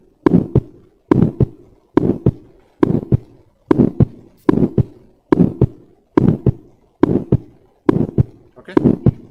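Regular paired heart sounds, lub-dub, about 70 a minute, crisp and clear with no murmur: normal first and second heart sounds.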